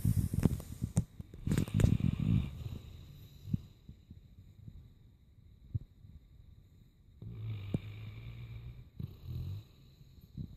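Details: Low, rumbling snores from a dog in deep sleep, with some rustling noise at the start; ordinary snoring.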